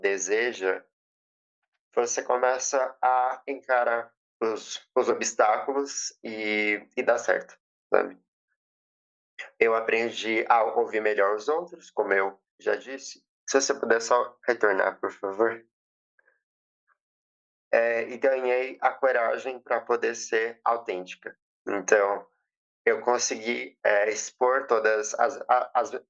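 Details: 20-year-old female psychology student, stuttering since age 7, several courses of speech therapy, stuttering reportedly worsened by emotion and nervousness, speaking at a public stuttering event; stuttering.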